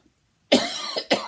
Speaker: I'm drawing up now I'm coughing and you can hear so